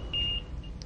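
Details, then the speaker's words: A brief high-pitched electronic beep over low machine hum: the audible alarm of an LTV 950 ventilator sounding for an alarm condition while the alarm message flashes on the display. "when an alarm occurs an alarm message is flashed in the display window an audible alarm is sounded"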